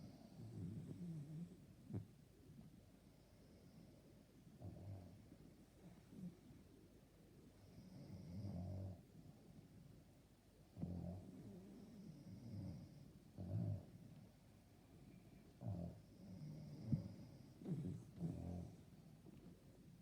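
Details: Person snoring loudly enough to keep another person awake; low, rough breathing noises rising and falling over several breaths, quiet room noise between; snoring.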